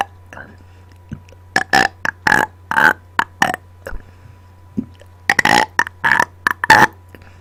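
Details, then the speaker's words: Burp-talking after dinner, recorded close to a microphone: rapid runs of short belches shaped into word-like syllables over a steady hum; voluntary burping on command. "I am burping into my microphone today so the sounds may get a little intense"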